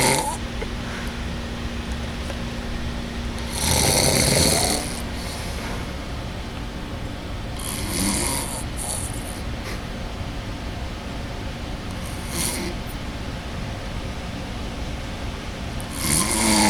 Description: My brother has a snoring problem